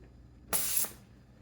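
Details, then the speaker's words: A brief half-second hiss of gas as a nitric oxide delivery unit's line is depressurized after closing the cylinder valve during pre-use setup; a normal equipment sound. "now it says if we're not going to use it within 10 minutes we need to close the cylinder valves and depressurize the unit so let's do that close the valve and then we're going to move remove the line"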